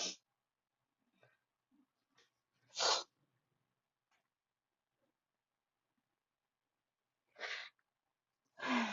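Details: Sneezing fit at a desk: three sharp sneezes separated by quiet breaths and small sounds, the end of the fit.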